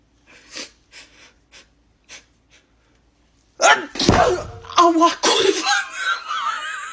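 A run of quick catching inhalations, then a loud explosive sneeze followed by gasping and voice.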